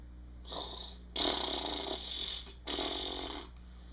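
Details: Simulated dog snoring voiced for a puppet show: three rough, hissing breath noises with a faint rattle, an acted imitation of a dog snoring.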